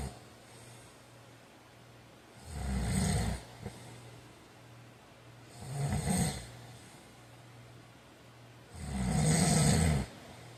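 Three loud, low, rattling snores on the in-breath, a few seconds apart, with quiet breathing between; ordinary sleep snoring.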